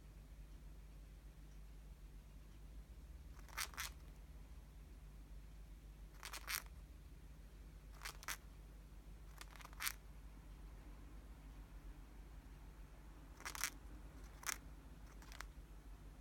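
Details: Cockatiel grinding its beak: short bursts of soft, dry scraping and clicking over a quiet room hum.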